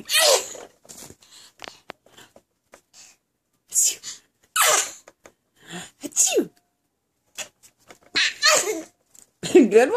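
Short, forceful sneeze-like bursts from a baby, with giggles and adult laughter in between. A playful pretend sneeze, not a true sneeze.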